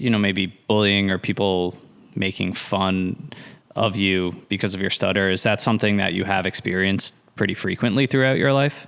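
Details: Adult male speaker (podcast host); normal fluent speech.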